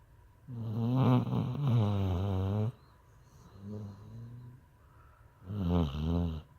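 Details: Bo snoring after getting fixed: loud, buzzing, low-pitched snores with a softer one between, in an irregular rhythm.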